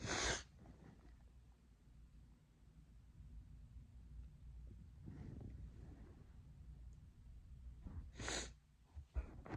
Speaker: Whoa. Hey. My nose is irritating me.